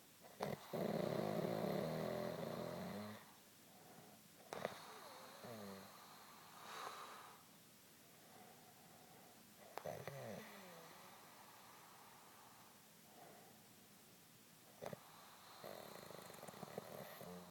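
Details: Loud rattling snore on inspiration, then quieter breathing with a second snore beginning, clicks and faint room noise, recorded at 3:30 am: a man snoring loudly.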